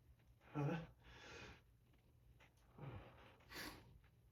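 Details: Several forceful full-body sneezes with sharp inhaled build-ups and explosive bursts, on a morning of high pollen; allergic sneezing.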